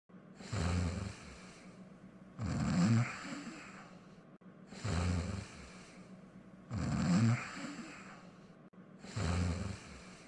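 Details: Simulated cartoon snoring, Pink Panther soundtrack: slow, regular, quiet low rumbling snores, about five in ten seconds.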